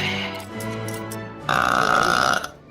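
A long, loud, rumbling burp over background music, from a cartoon soundtrack.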